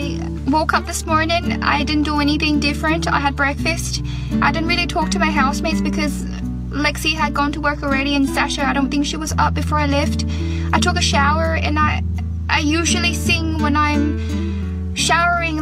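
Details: Adult woman who began speaking with an Irish accent though never in Ireland, onset on day 10 after tonsil surgery, still affected on day 14; foreign accent syndrome.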